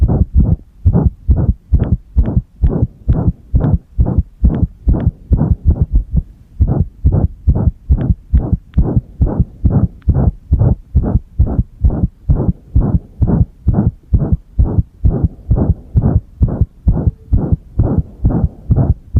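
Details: Pressed-chest heart sounds: loud, fast beats about 130 a minute with uneven spacing and a brief pause midway, irregular heartbeat (arrhythmia), recorded alongside a single-lead electrocardiogram.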